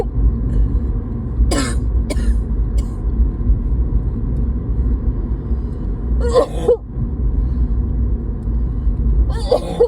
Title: Simply coughing